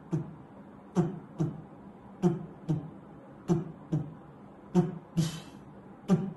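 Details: Early diastolic murmur, cardiology auscultation teaching demo: normal cycles then the murmur added, starting immediately after the second heart sound.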